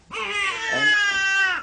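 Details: A single sustained, full-voiced infant wail rising and falling in pitch, during a demonstration of a five-step calming method using swaddling, side position and pacifier; ordinary infant crying.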